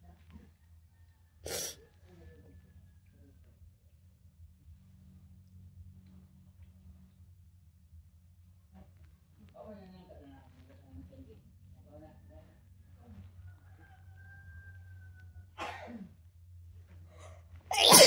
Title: more TICKLE, WET SNEEZES PHILIPPINES 🇵🇭, PLEASE LIKE and SUBSCRIBE ❣️